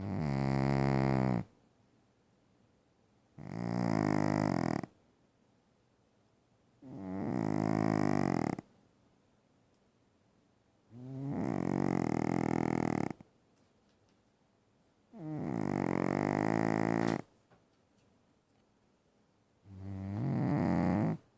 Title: Oscar snores so loudly.